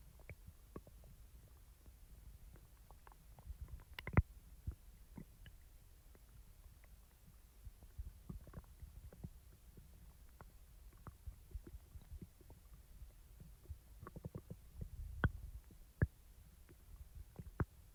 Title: Stomach Rumbling Sounds After Eating ⎹ soft + loud growls ♡